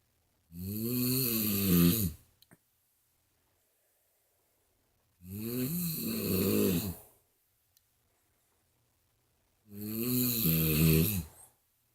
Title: My mom snoring comparison so funny!